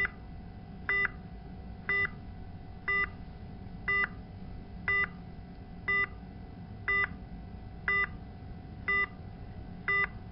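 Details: Bedside patient monitor alarm from a demonstration of an alarm visualization app for nursing workstations: short electronic tone bursts repeating about once a second.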